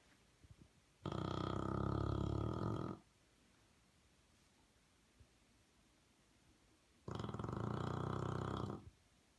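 Two long, loud, rattling snores about six seconds apart, with quiet breathing between them. Heavy snoring.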